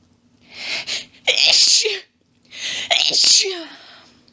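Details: Female, in a long fit of really rapid quadruple sneezes: two bursts, each a quick inhaled build-up then several explosive sneezes close together; sneezing fit.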